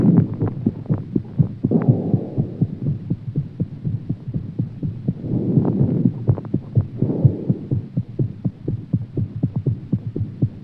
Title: HAERTBEAT AFTER EXERCISE